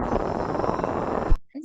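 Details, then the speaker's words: Laryngeal EMG during a focal dystonia lecture: rumbling, crackling static that cuts off abruptly, showing a decreased interference pattern; decreased interference pattern. "this is conductivity with the right side then you see there is a decreased inference pattern it is here in this case"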